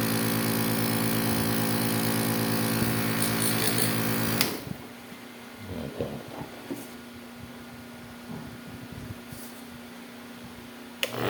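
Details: Apex nebulizer compressor switched on for a function check: loud buzzing hum for about four seconds, then switched off, leaving quiet room noise and handling sounds; nebulizer compressor running.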